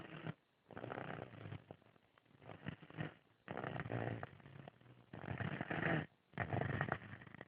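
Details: Sleeping 4-year-old child: loud, rough snoring with noisy breaths in and brief quiet gaps between them; snoring.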